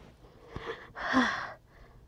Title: Still SneezinG